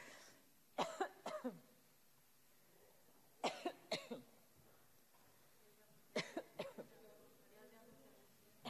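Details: Adult female minister coughing into her elbow while speaking at government questions in the National Assembly, a fit of about eleven harsh coughs in three bursts, attributed by her spokesperson to a frog in the throat from stress; coughing fit.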